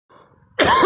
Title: me coughing